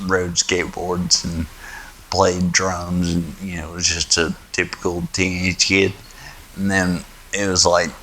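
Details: 38-year-old man with spinocerebellar ataxia type 1, degenerative and inherited from his father, onset around age 30; his speech is a little slurred and was much worse before stem cell treatment, recorded in China during that treatment: ataxic dysarthria.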